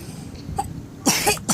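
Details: Child's hard, forceful cough on day 5 of a cough illness: about two bursts over low background noise and murmuring.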